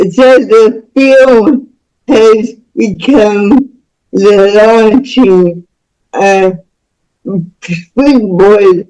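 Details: Woman about to turn 49 with spastic cerebral palsy since birth, which she attributes to being born with the umbilical cord around her neck five times; real, unacted speech; speech in cerebral palsy.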